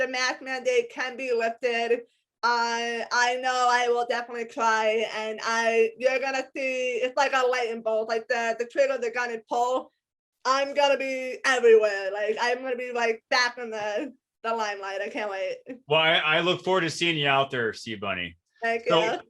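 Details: Adult woman with a lifelong disability and a self-described speech impediment despite a lot of speech therapy; some people have told her she sounds hearing impaired; speech impediment (articulation difficulty).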